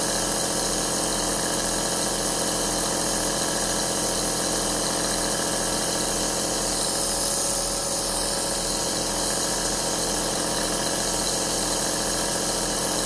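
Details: Compressor aerosol nebulizer running, recorded as ASMR white noise for relaxation and sleep: a steady whirring hum with a fast mechanical pulse, the continuous running sound of a compressor nebulizer.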